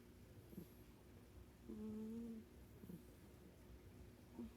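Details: Soft, low tonal snoring with one longer whistling snore among brief ones from a cat sleeping and twitching.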